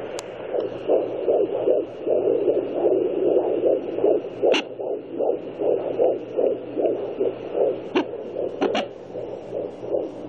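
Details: Fetal Doppler: rapid, regular whooshing pulses at about 150 beats a minute, a fetal heartbeat.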